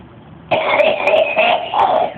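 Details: Run of harsh, rasping coughs in quick succession from someone after 55 years of smoking; a chronic smoker's cough.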